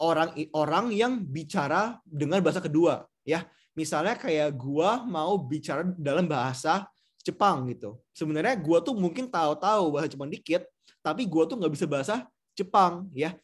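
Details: Adult male lecturer; normal speech.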